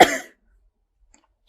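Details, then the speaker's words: Adult smoker, shivering, with a cough for the past few days, said to be sounding better than before: cough. "so I'm sitting here shivering but I need my cigarette I've um had a cough these past few"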